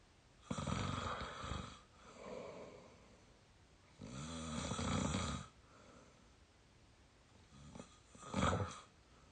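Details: Rough, rattling breathing sounds repeating irregularly, about 17 a minute, in a quiet room from a 22-year-old, very tired and out cold asleep: snoring.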